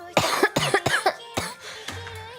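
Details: Girl coughing: four sharp, dry cough bursts in quick succession, then a fifth after a pause.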